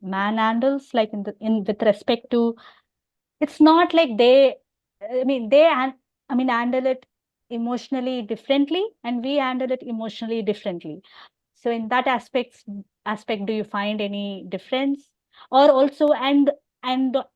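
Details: Adult woman who stammers openly (overt stammering) and has hearing loss: stuttering.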